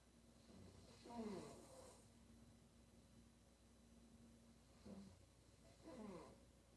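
Snorting snores, rough and rattling in the throat, with one long quiet pause between them, heard over faint room hum: snoring.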